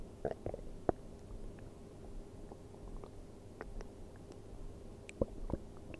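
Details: Stomach sounds recorded while sleeping on an empty stomach: soft gurgles and scattered pops over a low background hum, normal hunger-related bowel sounds (borborygmi).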